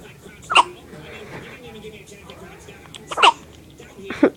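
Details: Baby with hiccups: three short, sharp hiccups spaced a couple of seconds apart, with quiet room noise between them.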